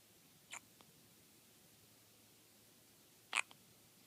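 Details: Baby before sleep with two brief, sharp catching sounds about three seconds apart, each followed by a soft click: hiccups.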